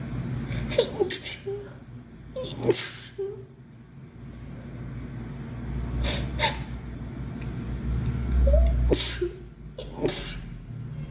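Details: Girl sneezing several times, most sneezes preceded by a quick in-breath, over steady engine noise; sneezing.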